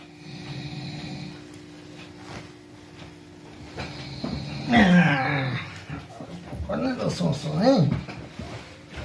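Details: Loud, rough, low rattling snores in slow irregular bursts with a brief voice-like sound between, posted with baby-sleep tags; ordinary snoring.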